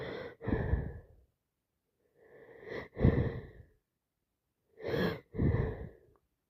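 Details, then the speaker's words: Person with a cold and nasal congestion, wet sneezing: three sneezes, each a quick indrawn breath then a forceful wet burst through nose and mouth. "Just can't stop. That's me. I'm congested. I need to sneeze."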